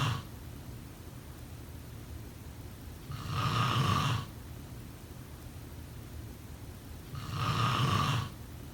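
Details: Loud rattling snores on the in-breath, about 15 a minute, with quiet pauses between, over steady room hiss; snoring.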